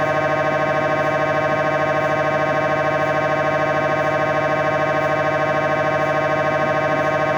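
Loud, steady, rapid buzzing pulses at about 200 a minute, the typical gradient noise of an MRI scanner during a scan.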